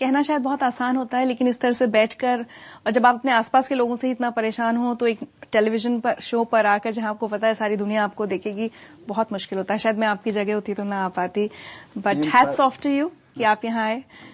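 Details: Adult woman (show host); typical speech.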